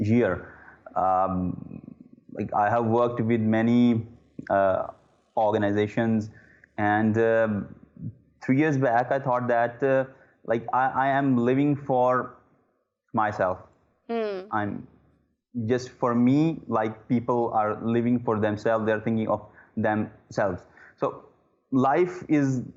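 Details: Adult man who says he is still a stammerer. Stuttering.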